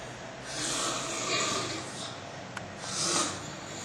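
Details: A person breathes noisily in sleep with hissing breaths and a snorting quality: snoring.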